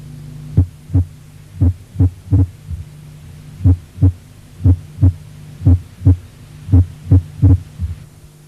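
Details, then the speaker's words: Heart sounds with early beats from ventricular extrasystoles. Heart sounds are split by asynchronous valve closure, as the ventricle originating the extrasystole contracts first. Each early beat is followed by a complete compensatory pause. "los ruidos cardíacos se encuentran desdoblados ello se debe a la sincronismo del cierre valvular ya que primero se contrae el ventrículo que dio origen al extrasístoles y luego el otro escuche e identifique la pausa compensadora que en este caso es completa"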